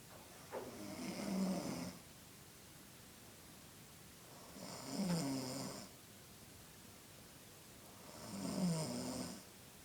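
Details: A 16-year-old boy gives three loud, rattling snores on breathing in, roughly 17 breaths a minute, with quiet breathing out between; snoring.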